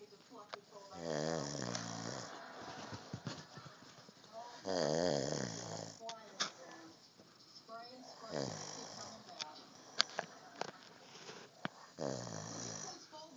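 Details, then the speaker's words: Sleeping adult man who denies snoring: loud, fluttering snores on each in-breath, about 17 a minute and somewhat irregular, with faint room noise and talk between; snoring. "Yep. That's you snoring. Snore in your happy little mouth."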